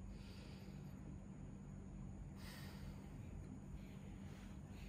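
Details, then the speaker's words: Adult man's lungs auscultated over the chest during deep breathing in a thorax examination; soft breath noise rising and falling over a low rumble and hum, judged normal without added sounds: normal breath sounds. "jadi setelah saya dengarkan untuk di suara paru-paru Bapak, suara nafas Bapak juga masih normal, tidak ada indikasi adanya kelainan dari pernafasan Bapak."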